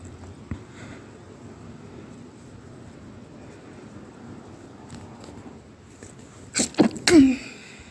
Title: pinched nose sneezes